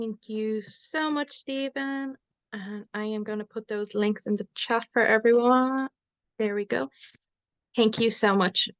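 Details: Adult woman; normal speech.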